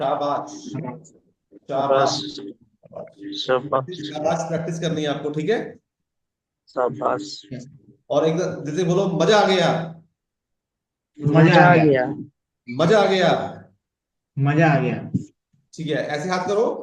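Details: Adult male speaker; fluent speech.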